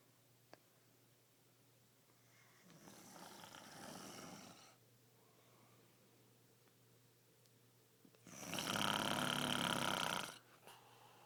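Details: Father asleep: two harsh, rattling inhaled snores, the second louder and longer, over a steady low room hum; loud snoring.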